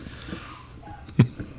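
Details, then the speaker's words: A single short, sharp sneeze from the speaker's mother somewhere else in the house, faint against quiet room noise during a podcast recording. ">> What is that noise? >> Mom sneezing."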